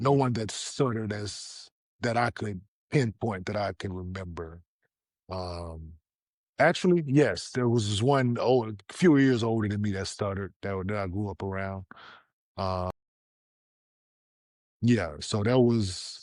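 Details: 47-year-old man, former professional basketball player, with stuttering since childhood.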